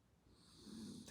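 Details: Elderly pet cat asleep beside owner working from home: one soft, rattling snore on the in-breath, described as louder than a person's snoring; snoring.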